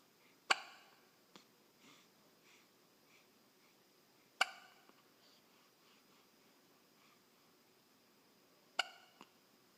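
Three sharp, abrupt hiccups about four seconds apart in a quiet room, each followed by a faint catch of breath; ordinary hiccups.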